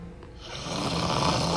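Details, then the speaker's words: Adult man (husband) snoring in bed at night, described as very loud: a loud, harsh, rattling snore building over one inspiration, rough and vibrating through the throat. "I love him to death handsome sexy dull great husband but the snoring sounds like chewbaca strangling Yoda help me anybody else have"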